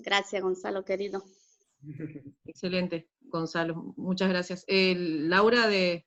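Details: Adult female speaker; normal speech.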